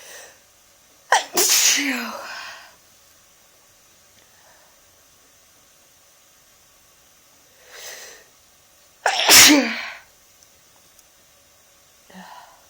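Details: Two loud, sharp, deliberately induced sneezes from an adult, each with a quick in-breath before it, plus a few softer breathy sounds in a quiet room.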